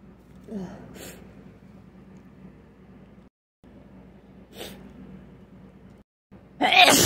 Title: Can't stop sneezing.